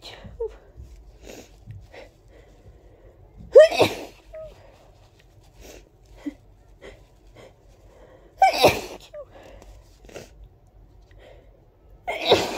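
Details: Three big, wet, loud, forceful sneezes let out freely, with quieter breathing and sniffing between them; repeated sneezing.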